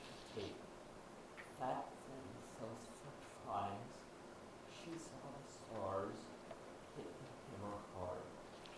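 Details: Male patient diagnosed with abductor spasmodic dysphonia reading abductor-loaded sentences such as 'Harry hammered hard', with breathy breaks when closing the vocal cords for vowels after voiceless H.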